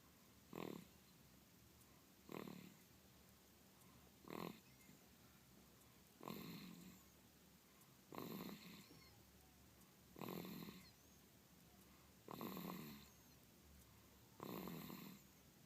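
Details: Sleeping baby: eight regular snores, roughly 30 breaths a minute, each a short rasping sound in a quiet room.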